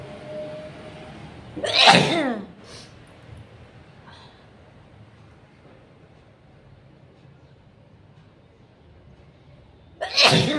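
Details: Person deliberately inducing sneezes, first by tickling the nose with paper and then with chili, with watering eyes: a forceful sneeze with a sharp burst of air, quiet sniffles, then the start of a second sneeze.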